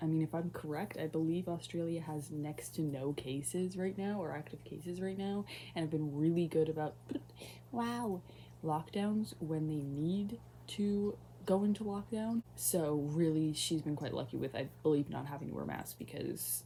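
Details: Woman with Tourette syndrome who reports mild tics, including vocal tics; vocal tic heard mid-sentence; vocal tic (Tourette syndrome).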